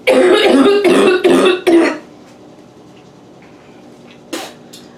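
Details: Quick coughing fit in a bathroom, leaving eyes watering and gasping for air, with some spitting: four loud, harsh, voiced coughs in quick succession, then quiet and one fainter cough.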